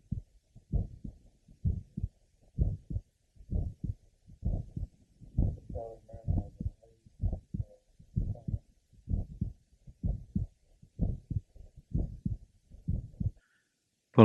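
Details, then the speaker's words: Patient with mitral valve prolapse and atrial septal defect, heard first at the apex: grade 3 systolic murmur in the last half of systole, regular rhythm about 64 a minute; late systolic murmur. "first at the Apex note a Grade Three systolic merma in the last half of syy"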